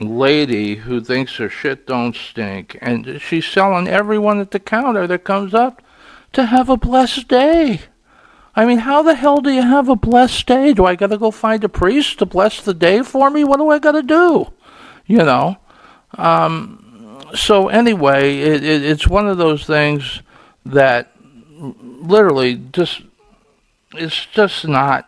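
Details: Stuttering in an adult man, which he says is audible here and links to being frustrated that day.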